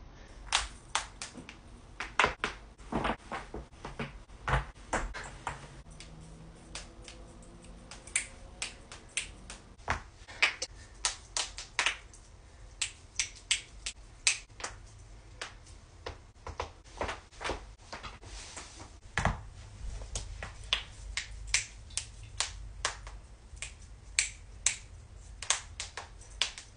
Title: joint cracking compilation